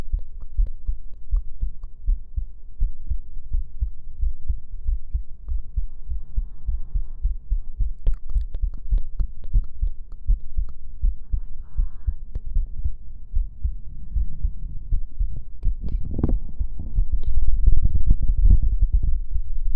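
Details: Adult heartbeat heard close to the chest: soft, repeated low thumps with some rubbing noise.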